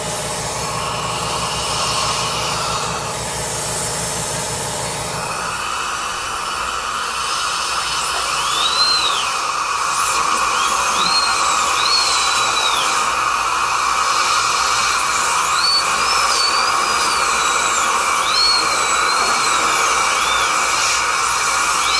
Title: Dentist Sound Effects Drill, Suction Tool